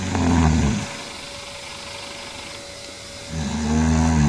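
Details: Adult woman who says she doesn't snore, recorded asleep: loud, deep, rumbling snores on breathing in, separated by quieter pauses, with a steady background hum.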